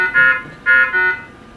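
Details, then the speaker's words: CardioSave Hybrid intra-aortic balloon pump, shown in a training demonstration: repeating electronic alarm tones with distinct pitch steps, a catheter restriction alarm signalling a kinked balloon catheter line. "for example one alarm you may encounter is it the balloon catheter line is kinked an alarm will appear"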